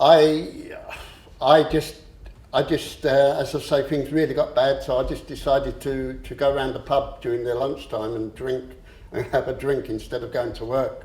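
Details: Adult man who has stammered since about age seven, after the shock of losing his parents; he says he still stammers on a few words; stuttering.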